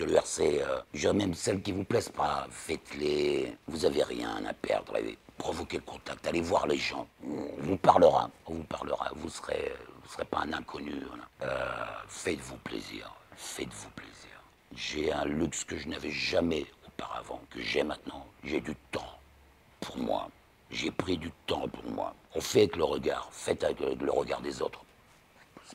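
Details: Speech of a man of about 60 after total laryngectomy at the end of 2022 for laryngeal cancer, followed by radiotherapy; after 4 months of imposed silence using whisper, he relearned to speak in rehabilitation; alaryngeal speech after total laryngectomy.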